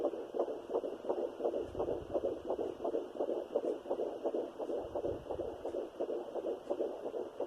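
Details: Fetal heartbeat at 12 weeks in a third pregnancy after two miscarriages, on a Sonoline B home fetal Doppler with a 3 MHz probe: rapid, regular whooshing pulses at about 170/min, with the maternal pulse beneath.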